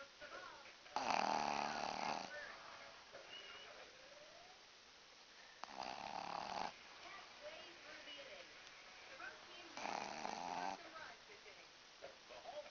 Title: The world's loudest snoring dog (Rocky)